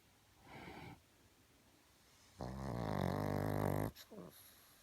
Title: snoring pug